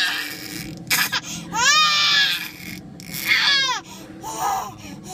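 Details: Baby crying out loud while irritated and sleepy: two loud wailing cry bursts and a softer whimper with room noise; ordinary infant crying.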